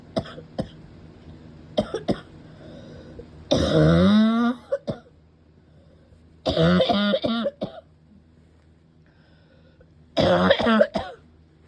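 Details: Adult's barking cough during a bad attack of nonstop coughing: repeated loud, harsh barking coughs in three bursts, with throat clearing between them.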